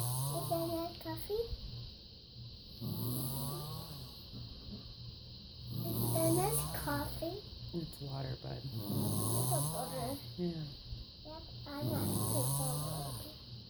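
Regular snoring on each breath, about five breaths in fourteen seconds, over steady background hiss.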